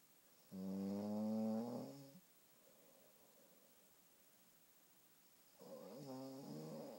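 Two drawn-out, buzzy, tonal snores about five seconds apart, with quiet between them: snoring.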